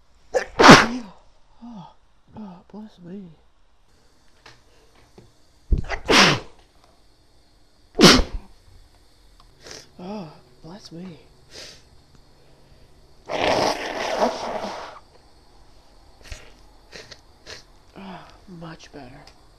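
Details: Female inducing sneezes by tickling her nose with a clothes tag after it bothered her all day: three sharp, explosive sneezes, each preceded by catching breaths, then a sniffly, noisy exhale.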